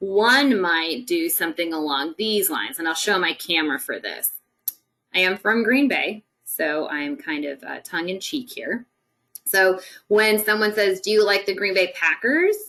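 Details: Adult woman speaking; Normal speech.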